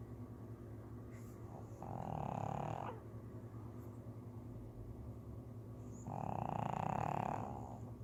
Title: Yoshi the pug snoring.